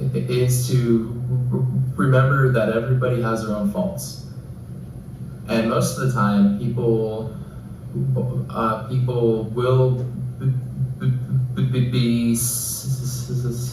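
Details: Lifelong stuttering in a real speaker giving advice to others who stutter, with pauses, difficulty getting certain words out, elongated words and facial contortion; stuttering.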